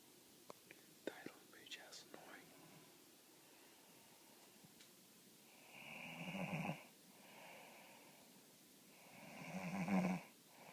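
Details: Ordinary snoring in a quiet room: faint rustling and clicks, then two loud, rough inhaled snores with a softer exhale between, a few seconds apart.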